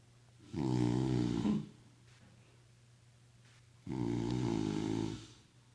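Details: Two people snoring in sync: two loud, rumbling, buzzy snores on the in-breath, each about a second long, with quiet pauses between.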